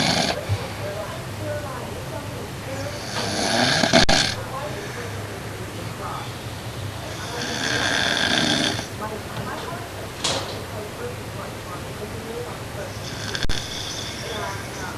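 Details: An adult man, a dad who denies snoring, asleep: rough, noisy snores recurring every few seconds, uneven in strength, over a steady room hum; snoring.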